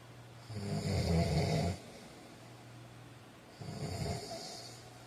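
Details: Two low, rattling snores on the in-breath from a sleeping man, separated by quiet out-breaths: typical snoring.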